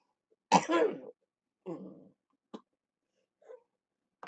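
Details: Two loud, harsh, rattling coughs followed by faint throat sounds in a person with cystic fibrosis, with blood in the sputum reported; wet productive cough.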